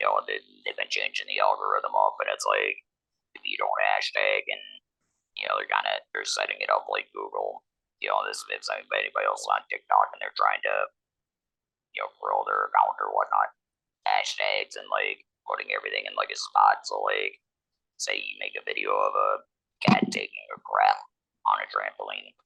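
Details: 47-year-old man, laryngectomee since a 2019 laryngectomy, speaking with an electrolarynx, which took him about a year to get familiar with; electrolarynx speech.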